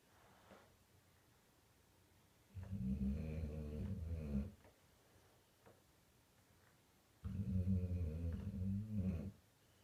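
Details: 3.5-year-old Old English Bulldogge snoring while asleep, recorded on an iPhone 5S: two long, low, rattling snores on the in-breath, about 13 breaths a minute.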